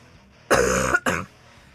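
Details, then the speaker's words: Two loud, harsh coughs close together from an adult, the first longer and forceful; she says her cough always sounds aggressive, with a rattle, and people assume smoking. "it sounds like there is a serious issue but my cough has always sounded really aggressive that it makes people really concerned"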